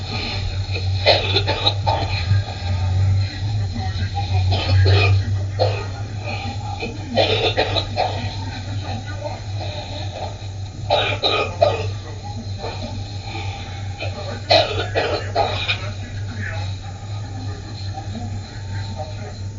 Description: a short compilation of wet coughs I found on the internet